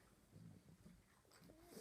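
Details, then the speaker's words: Resting pet, faint low rough snorting breaths in a quiet room; owner says she breathes like this all night long, making sleep hard. Noisy breathing. "can you hear Weezy we call her Weezy can't hear her breathing listen"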